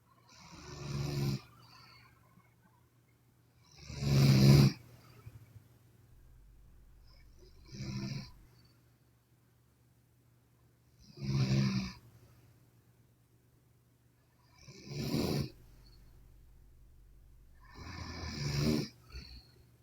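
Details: A sleeping Chinese woman snoring: loud rattling snores on each breath in, about six over twenty seconds, with quiet pauses between; ordinary snoring.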